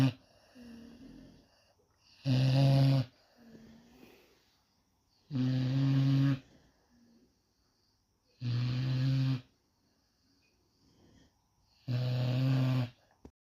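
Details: Cane Corso dog snoring again while asleep: loud, deep rattling snores on each breath in, about four in thirteen seconds, with soft breathing between.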